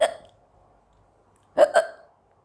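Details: Young Indian girl who has had hiccups for a long time: sharp, abrupt voiced hiccups, one then a quick double about 1.5 seconds later, in a quiet room.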